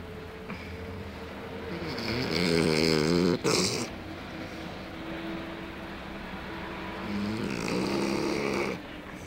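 Loud, rattling snores from a sleeping dog on each breath, with a brief snort between them.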